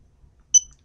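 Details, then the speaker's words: Single short, high-pitched beep from a GemStar epidural infusion pump as the infusion is stopped before changing the cassette. "changing the cassette which is located on the side of the machine the first thing you need to do is stop the infusion"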